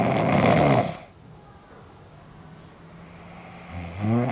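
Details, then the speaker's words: Adult snoring after an adjustable anti-snoring mouthguard fell out about 5–6 minutes into sleep: very loud, rasping snore, quiet pause, then next snore begins. "牙套掉了之后，我就开始打呼，所以大家可以听到非常的大声。"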